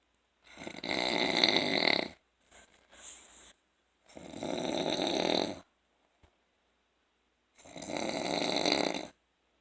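Three loud, rough, rattling snores on inhaling, with softer breathy exhales between, at about 17 breaths a minute; ordinary adult snoring.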